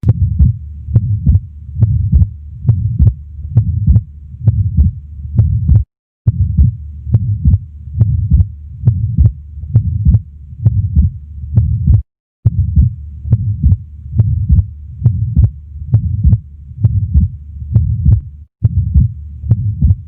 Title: ATRIAL SEPTAL DEFECT - LEFT BASE | HEART SOUNDS | AUSCULTATION | MURMUR